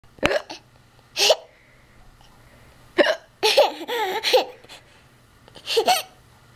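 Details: Playful hiccups: sharp hiccup sounds mixed with laughter and playful vocal sounds.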